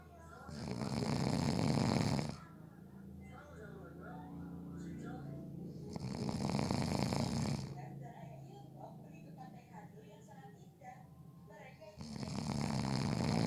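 Loud, rough snores on each inward breath, about 5 per minute, with quieter breathing and faint room sounds between them. Snoring.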